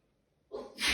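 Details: Single sneeze, possibly at the start of a cold: brief quiet, then a sharp hissing burst that builds and cuts off.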